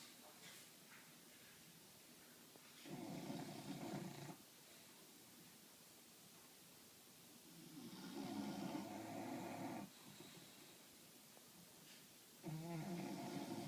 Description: My 2 English bulldogs snoozing away, very loudly!